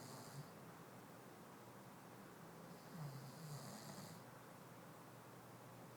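Soft rumbling snores with hissing breath sounds, about one every three seconds, over steady room noise.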